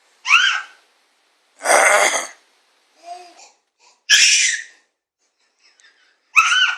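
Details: Cough from a person.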